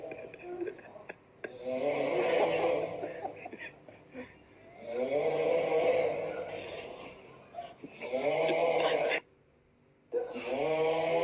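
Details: Loud rattling snores on each breath in, about 20 a minute, separated by quiet breaths out, with a brief silent pause near the end; snoring.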